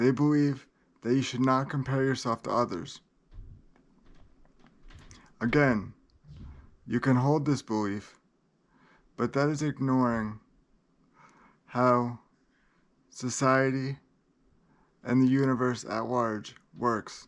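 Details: Adult man with cerebral palsy that he says places great limitations on him; dysarthria due to cerebral palsy.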